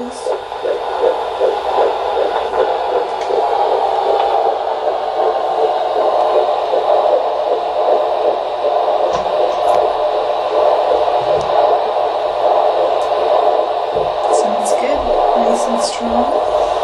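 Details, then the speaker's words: Fetal heartbeat at 13 weeks of pregnancy on Doppler: steady whooshing with a fast, clear, strong fetal heartbeat, the mother's slower pulse possibly audible underneath in the background. "and here we are listening for the baby's heartbeat 13 weeks yeah it"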